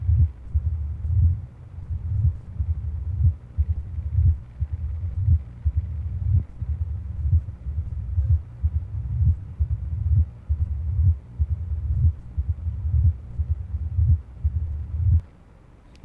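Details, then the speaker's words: Mid-diastolic rumbling murmur of mitral stenosis, best heard at the mitral area and possibly with an opening snap. Regular low heart sounds near 60 a minute with a low rumble between beats. "فميد دايستوليك حتى يطلع الصوت من دا يمر الدم بالستينوست فالف. لابتتر. اوكي، يسموه رامبلنج ساوند."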